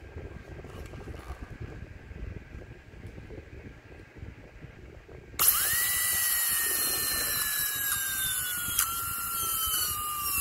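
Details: Quiet room noise, then a sudden loud high-pitched whine slowly dropping in pitch; dental drill doing an MOD Class II practice prep on the mandibular left first molar (tooth 19) in an articulator model without gingiva.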